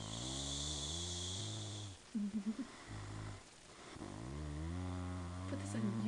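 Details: A sleeping girl snoring very loudly: long, buzzing breaths with a rattling low drone on inhalation, separated by quieter pauses; snoring.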